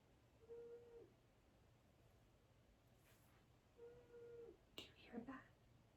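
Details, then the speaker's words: A pet curled tightly into a ball while sleeping, making wheezy snoring sounds described as like a little accordion. "that that's Gracie she is curled up into a ball so tight that she's like snoring snoring wheezing oh my God sounds like a little accordion"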